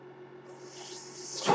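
Steady machine hum with a soft airflow hiss that builds and ends in a puff, typical of a ventilator breath.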